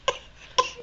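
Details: A young child coughs when told to: two short, high-pitched voiced cough bursts made on request, an imitated cough rather than a spontaneous one, while an adult asks about the child's bad cough.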